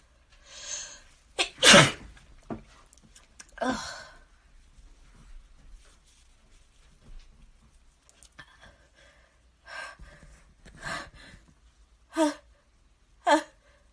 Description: Caught a mini-fit at my desk. I was hella congested too, hence the never-ending nose-blow.